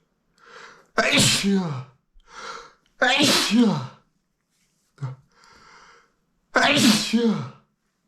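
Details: Person with allergies sneezing after exposure to pink feathers: three loud, explosive sneezes, each preceded by a short in-breath, over about eight seconds.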